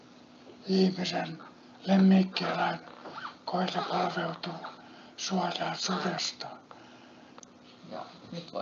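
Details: Adult speaker; Breathy, rough dysphonia of unilateral vocal fold paralysis.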